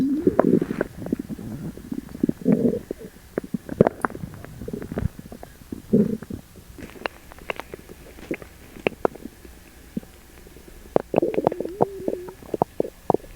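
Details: Loud borborygmi of an upset stomach after eating sugar-free gummies: gurgling and squelching with bubbly pops and a drawn-out groan.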